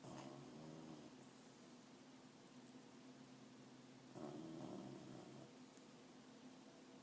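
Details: Dog taking an afternoon nap and snoring loudly: two low, rattling snores about four seconds apart, with quiet steady room hum between them.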